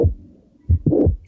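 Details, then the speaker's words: Mitral valve prolapse: a low heart sound, then a sharp mid-systolic click followed by a short crescendo-decrescendo (rising-then-falling) late systolic murmur. "escucha el chasquido y después tenemos el bloque creciente decreciente"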